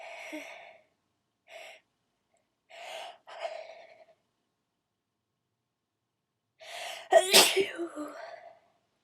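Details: Several short breathy intakes, then one loud forceful wet sneeze with a trailing voiced release, done on request as loud wet sneezes; sneezing.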